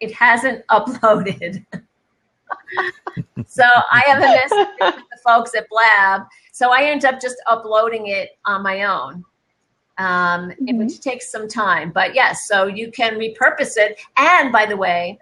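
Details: Adult woman speaking; normal speech.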